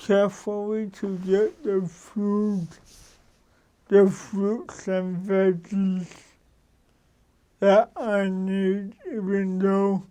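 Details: Adult man with cerebral palsy for 53 years, which he says came from damage to the brain and spinal cord; he says his speech differs from most people's and he adjusts it so others understand; dysarthria (cerebral palsy).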